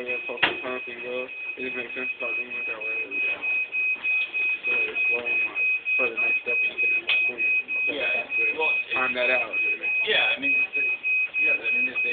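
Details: Continuous high steady alarm tone from a dialysis machine during setup by students, over rapid overlapping background talk in a room; recorded on a phone camera.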